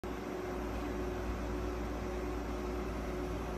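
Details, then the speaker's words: Oxygen ICU unit running during oxygen therapy for a sick pet Java sparrow (sakura bunchō) at a veterinary clinic; steady low mechanical hum with a faint tone, like a fan. "ICU 内で放出酸素療法を行ってます。"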